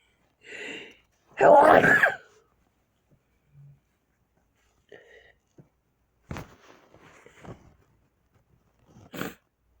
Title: Cleaning and sneezing